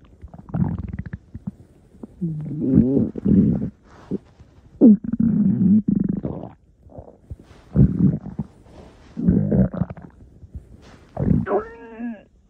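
Loud, low, gurgling rumbles in irregular bursts with squeaky rising gurgles; stomach growling from gas and fluid moving through the gut.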